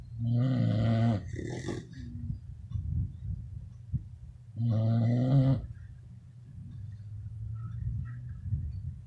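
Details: Sleeping beagles snoring: two long, deep, rumbling snores about four seconds apart, with softer breathing noise between them.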